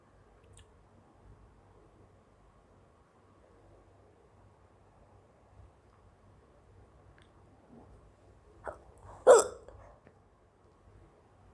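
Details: An Indian girl who has had hiccups for a long time, along with sneezes and a little cough: quiet room, then a couple of short, sharp catching hiccup sounds in the throat.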